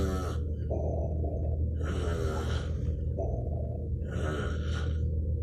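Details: Adult stepfather asleep, recorded at 1am: loud rhythmic snoring, two harsh rattling breath cycles about 2.5 seconds apart, over a steady low room hum.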